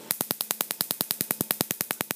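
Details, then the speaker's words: Q-switched Nd:YAG laser (Cynosure) during tattoo removal on a patient, firing 10 shots per second; rapid sharp snapping pops from the laser's loud acoustic effect: Q-switched laser pulses. "laser fires very rapidly it's actually firing 10 shots every second"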